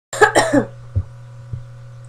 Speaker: hello sorry you see me cough um i am a little bit sick right now